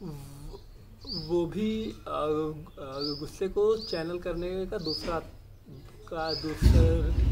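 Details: Adult male speaker; stammering.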